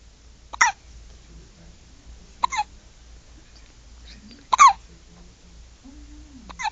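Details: Newborn girl only 8 hours old: sudden sharp catches at roughly two-second intervals, four in under seven seconds, with soft voiced sounds between; hiccups.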